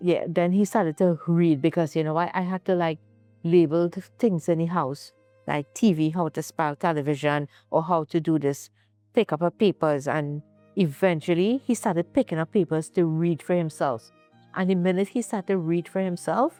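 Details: Adult woman speaking; normal speech.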